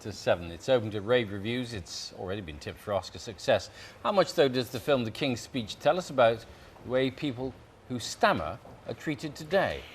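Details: Adult male presenter; fluent speech.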